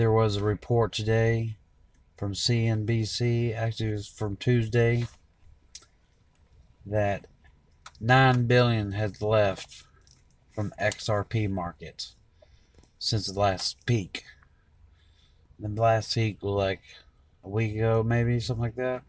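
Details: Aphasia with mild dysarthria in a man four years after a stroke. Afterwards he could not talk, understand or read words, and was mostly unable to speak for about two years. He still slurs sometimes and substitutes words.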